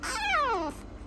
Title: Cleft Palate Frenchie Puppy fussy after being tube fed